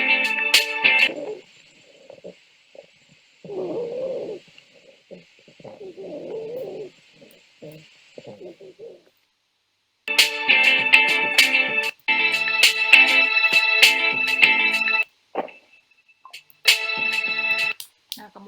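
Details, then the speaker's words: Demonstration lung recording of rhonchi, coarse, rumbling musical sounds on each breath, described as added sounds from mucus or fluid. "Nah, selanjutnya ada rongki. Kalau tadi suaranya tuh kayak ada siulan. Kalau rongki ini ada tambahannya ya, seperti ada mukus atau cairan ya."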